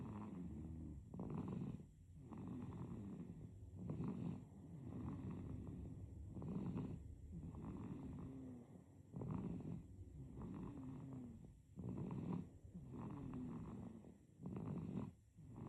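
Gentle, fluttering snore through each breath of a sleeping infant, about 20 breaths a minute, with faint background hiss.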